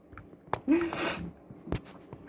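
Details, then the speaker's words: Adult sick with a cold caught from a contact, with sore throat and cough: a quick indrawn breath, then one explosive hissing sneeze and a sniff. "i have like a whole list of things i need to do but besides for coughing and sneezing and everything else you know"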